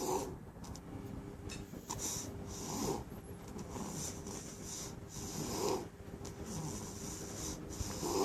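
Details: Chihuahua puppy sleeping, with soft, rhythmic snoring and snuffly breaths about 22 a minute.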